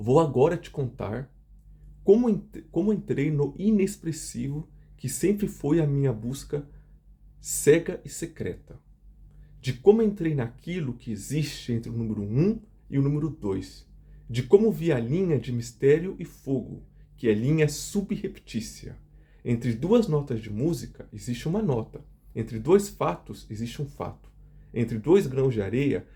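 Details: Adult who stutters, reading aloud a Portuguese literary passage; stuttering.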